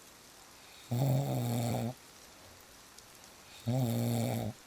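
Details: Real snoring: two loud, buzzing, rattling snores about a second long each, separated by quiet gaps, over soft steady rain.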